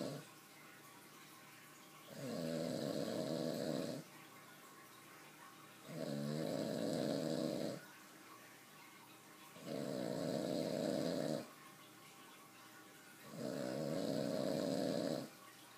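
Regular, deep, vibrating snores on each breath in, four in about 16 seconds, roughly 15 breaths a minute.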